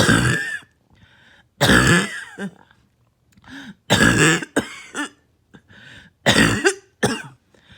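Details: Night-time coughing with barking, harsh quality; barking cough.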